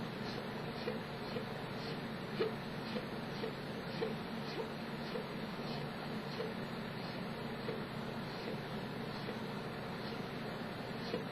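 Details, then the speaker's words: Person with chronic hiccups, awaiting a neurologist visit, pausing a minute to let them be heard: soft, brief gulping clicks about every second, roughly 15 in 11 seconds, faint persistent hiccups (chronic singultus). "Someone wanted to hear the hiccups, and this is what the hiccups have been reduced to sounding like. I'm gonna like pause and hiccup for like a minute."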